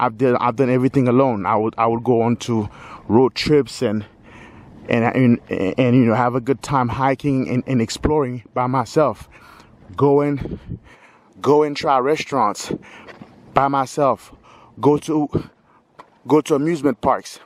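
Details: Stuttering in a 46-year-old man who says he has stuttered all his life.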